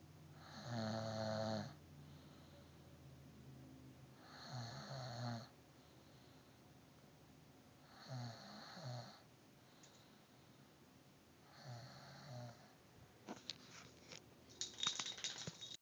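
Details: Woman who doesn't believe she snores, recorded asleep: regular rumbling snores on in-breaths, about 15 breaths a minute, with quiet pauses between; snoring.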